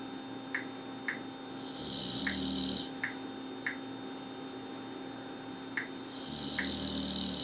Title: Bulldog sleeping with his eyes open and snoring!